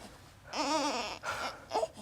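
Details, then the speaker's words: Short bursts of rising and falling crying from an upset newborn in a maternity ward in a quiet room, as the examiner prepares to auscultate the heart to check for a murmur: an ordinary newborn cry. "On va d'abord écouter le cœur, comme ça, tu vas te calmer, je vais peut-être pouvoir écouter. T'es fâché."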